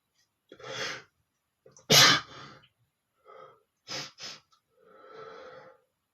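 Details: Adult male sneezing loudly: a sharp in-breath, one loud explosive sneeze, a couple of smaller sneezes and a sniff.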